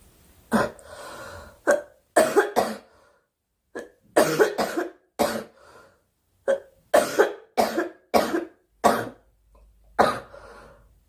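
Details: Girl coughing during a live stream, wishing aloud for the cough to stop: about fifteen short, sharp coughs in quick clusters with brief gaps, quiet room; repeated dry-sounding cough.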